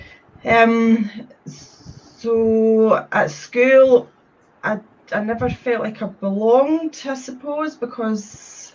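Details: Stuttering in a woman from Scotland who describes having had a speech condition.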